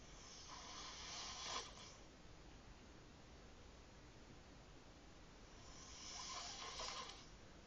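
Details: Two hissing, airy snoring breaths about five seconds apart over steady room noise from a sleeping adult before a 9 AM wake-up call; snoring.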